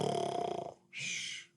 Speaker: boy now he's snoring again